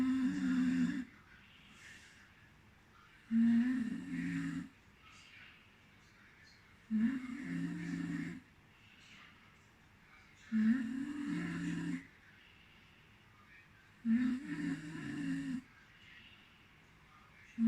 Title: lots of chocolates makes me snore in sleep